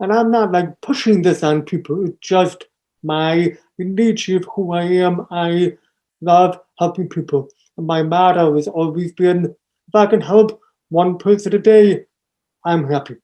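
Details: Deaf speech of an adult man born three months premature in 1976, with congenital hearing loss not found until age two and a half. Taught to listen and speak orally, with unintelligible speech as a child. Also has ADHD.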